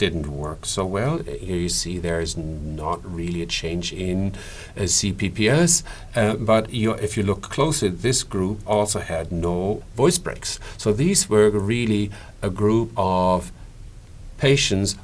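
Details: Adult male speaker; normal voice.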